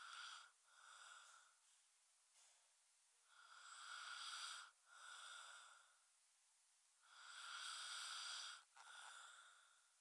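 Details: Snoring during sleep: slow, hissing, rasping breath sounds recurring every few seconds, roughly 15 per minute.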